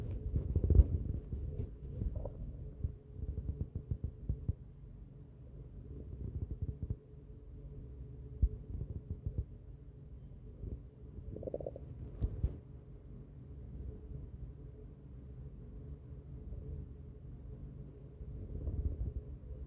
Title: My very first Stomach noise videooo!!!!!